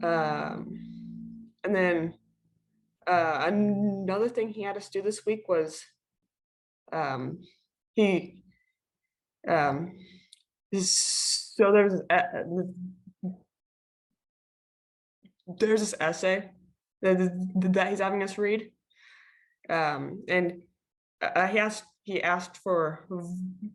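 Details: Stuttering in a female high school junior who stutters, with part-word and whole-word repetitions and filler words while introducing herself.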